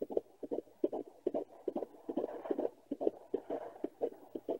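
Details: Fetal heartbeat at 15–16 weeks of pregnancy, heard on a Doppler: rapid, regular whooshing pulses at about 140–145 beats a minute.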